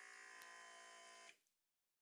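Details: Training scenario: an automatic blood pressure monitor on a 52-year-old woman with high blood pressure, not talking. Steady electric buzzing as the cuff inflates, stopping with a click; the reading was 125/80, normal.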